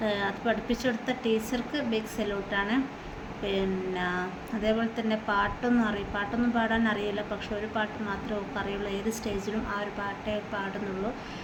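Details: Adult woman speaking Malayalam; normal speech.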